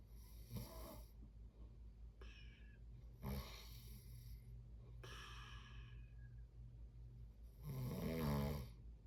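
Rough, rattling snores with each breath in, about four over nine seconds, over a steady low room hum: ordinary sleep snoring.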